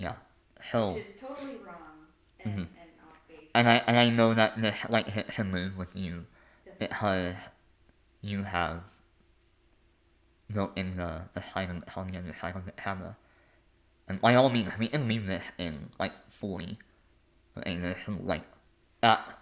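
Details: Adult male artist and conductor with a lifelong speech impediment; stuttering (speech impediment).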